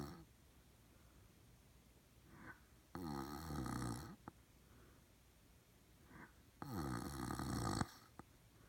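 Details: Adult male boyfriend snoring, louder after his mouth is opened: two loud, rattling inhaled snores about four seconds apart, roughly 15 breaths a minute, with quiet exhalations between.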